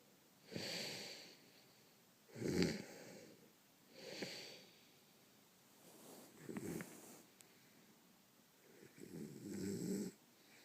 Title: How to stop a man from snoring